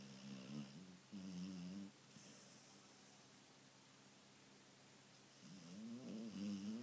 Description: Peace is a snorting snoring spaniel